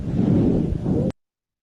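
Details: Monophonic wheeze, a musical continuous lung sound, in a pediatric clinical semiology example.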